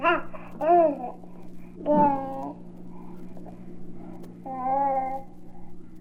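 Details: Infant babbling, from a 1967 recording of babies' sounds for expectant and new parents.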